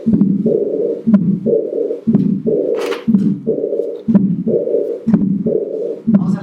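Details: Aortic regurgitation on the Harvey simulator, about 60 a minute: S1 then a long blowing diastolic murmur with a small systolic component.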